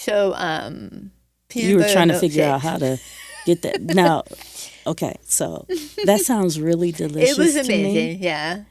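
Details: Adult woman after stage 4 tongue cancer, with over half her tongue removed and reconstructed with an arm skin flap, followed by chemotherapy, radiation and speech therapy; her voice changed; altered articulation after partial glossectomy.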